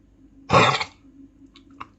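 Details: Dog whose cough keeps it from sleeping, currently on tablets three times a day, gives a single harsh, forceful hacking cough, then quiet with a faint low room hum.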